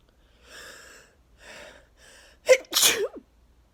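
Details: Person in a 34-sneeze sneezing fit with nose blowing, attributed to neighbors cutting grass: three soft breathy inhales building up, then two explosive sneezes close together.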